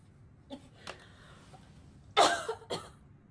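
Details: Korean girl coughing: two soft throat sounds, then two short dry coughs in a quiet room.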